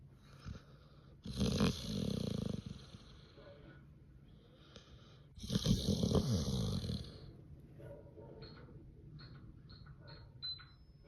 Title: My pitbull snores so loud I can’t even nap in peace #sleepapnea #snoring #yourdog #yourpet #pets